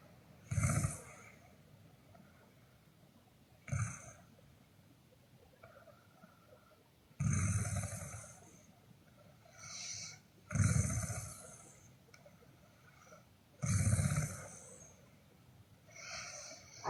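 Loud, rough snores recurring every few seconds, with quieter breaths between them, about five snores in seventeen seconds: snoring.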